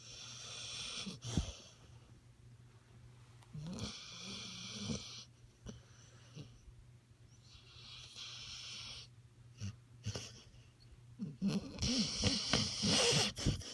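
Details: Loud rasping snoring from a sleeping pit bull, about four breaths with noisy inhalation and exhalation between quieter pauses.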